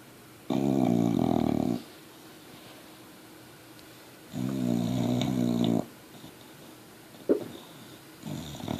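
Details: Sleeping dog, two long loud rattling snores with coarse chesty quality and quiet pauses between; chesty snoring.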